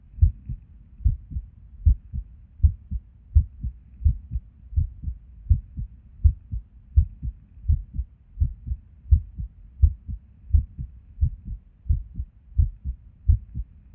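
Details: Resting heartbeat recorded at Erb's point while sitting at a desk, described as skippy lately: low heart sounds at roughly 80 a minute with uneven spacing and occasional pauses, irregular rhythm with skipped beats.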